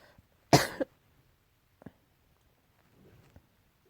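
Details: Cat with suspected allergy: one short, forceful cough followed by faint small sounds.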